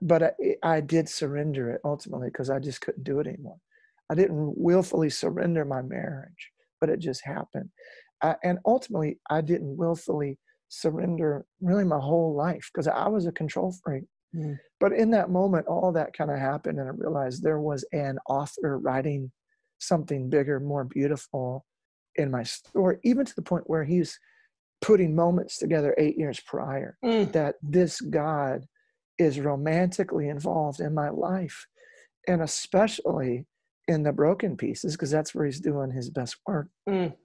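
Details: Adult male lead singer with incurable spasmodic dysphonia that began at the height of his music career and was first mistaken for hoarseness; he still struggles with it and says it is audible in his speech; spasmodic dysphonia.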